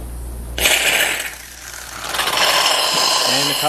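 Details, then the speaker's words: Loud hissing suction starting abruptly, with gurgling as water is drawn away quickly: a dental high-speed (high-volume) suction turned on during a demonstration comparing it with low-speed suction. "next I'm going to use the high-speed suction alright I'm gonna place it in there turning it on"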